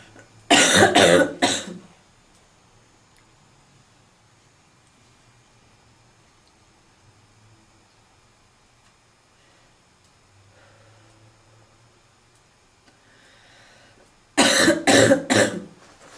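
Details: Seasonal barking smoker's cough in a female, with two bursts of three to four harsh coughs separated by a long quiet gap.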